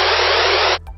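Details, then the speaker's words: Audible Contrast Threshold hearing-test stimulus: a burst of band-limited hissing noise, strongly modulated (high contrast), used to measure hearing-in-noise ability for hearing-aid fitting. "そしてこちらは変調が強いつまりコントラストが強い刺激音です"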